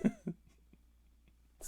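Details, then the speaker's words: Hoarse adult recovering from a cold caught last week, with the whole family sick, gives two short, moist coughs followed by quiet room noise. "I'm recovering from a cold that I caught. My entire family is sick. Last week. Yes. Still not over it, as you could hear."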